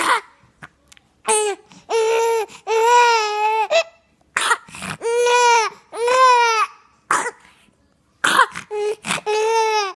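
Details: A cough.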